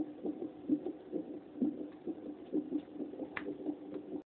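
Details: Fetal heartbeat picked up by a Doppler fetal heart monitor: rapid, regular whooshing pulses at about 135 a minute over a steady hiss.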